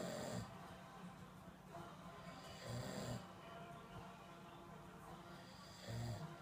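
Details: A father snoring in his sleep, recorded December 2014: loud, low, rattling snores recurring about every three seconds, roughly 20 a minute, with faint background sound; snoring.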